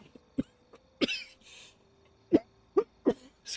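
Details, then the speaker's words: A run of five or six short, dry coughs within a few seconds from an adult having frequent coughing fits while recording. "me again sorry about coughing so much in this recording it's really going to be the only way i may manage to make any recordings though so i kind of had to stick with that idea and these coughing fits happen too often and too quickly for me to catch myself"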